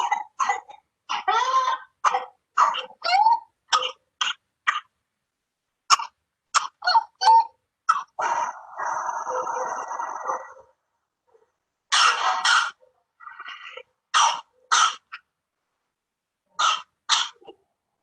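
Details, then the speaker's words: Whooping cough (pertussis) paroxysm in a girl: rapid runs of coughs broken by a long, high, crowing inspiratory whoop as she seems to choke, the characteristic sign of pertussis. "Es una tos, es una tos donde la persona tose, la niña tose, así, y luego como que se ahoga. Ese gritillo, el grito de gallo, muchas veces conocido, es un signo característico de la tos ferina o tos convulsiva, ¿no?"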